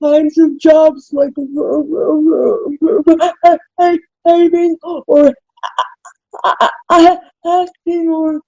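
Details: Dysarthria in an adult with cerebral palsy (self-described spastic type), with slow, effortful articulation.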